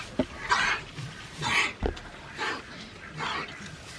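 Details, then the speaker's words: Pig in a barn coughing after a stressful move, possibly stress-related illness; short harsh coughs among snorting and grunting, not constant, no blood seen; mild cough in an otherwise active pig. "Bri was worried that there was a sick Pig In This Barn she didn't see it but she heard it coughing and when I came out I heard one of these guys coughing this morning it was this one here you just heard that little"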